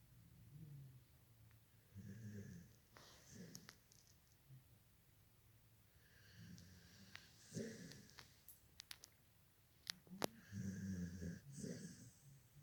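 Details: A sleeping dog snoring in a quiet room: about five cycles of low, rumbling, fluttering breaths with soft snorts.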